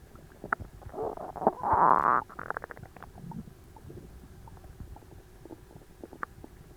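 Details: Loud gurgling and bubbling from a tight, achy, overfull abdomen right after a large Christmas dinner, with a prolonged rumble then scattered clicks and pops: active bowel sounds (borborygmi).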